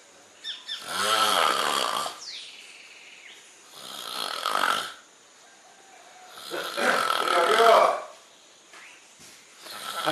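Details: Snoring, recorded 1 April 2012 on an outing to Corcovado; harsh, rasping snores about every three seconds, roughly 20 a minute, with faint talk in the background.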